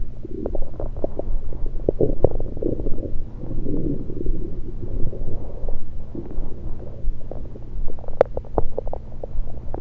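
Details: Abdominal recording with a USB electronic stethoscope, not during digestion: frequent, irregular low gurgles and bubbling pops as liquid and air move through the bowel; active bowel sounds.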